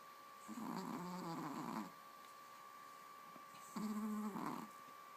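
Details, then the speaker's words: Dog named Ava in deep sleep gives two loud, rumbling, fluttering snores with pauses between, faint room hum behind; loud snoring. "You're snoring so loud."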